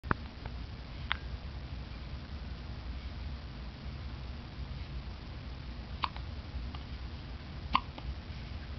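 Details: 3-day-old baby girl with a fit of hiccups: four sharp, brief hiccup clicks at irregular intervals over a steady background hum.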